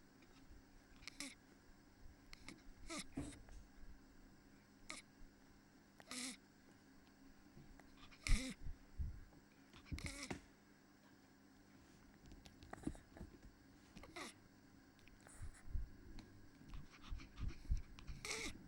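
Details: 5-year-old 2.0-kg female Pomeranian with 2 months of severe harsh stridor on exertion, calm at rest; epiglottic retroversion with dynamic cervical tracheal collapse on inspiration, larynx normal: intermittent harsh inspiratory stridor.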